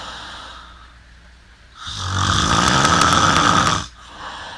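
One long, loud, rattling snore on the in-breath, lasting about two seconds, with quiet breathing before and after. Loud snoring.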